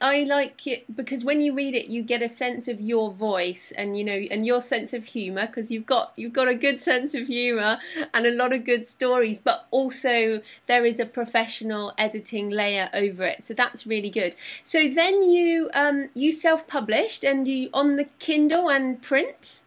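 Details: Adult speaker, interviewer; Normal speech.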